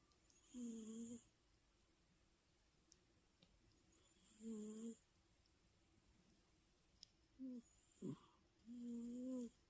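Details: Louie, a British Shorthair cat, snoring softly and steadily while asleep, about four tonal snores in ten seconds over quiet room hiss.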